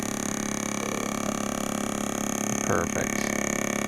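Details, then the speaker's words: Radial shockwave therapy machine's vibration head moved around the leg of an adult woman with plantar fasciitis heel pain for over 3 years, before impact shockwave; steady rapid mechanical buzzing, about four pulses a second, with brief body noise. "it's a radial shock wave therapy machine it's pretty cool it actually counts how many vibrations and how many shocks we do to the tissue"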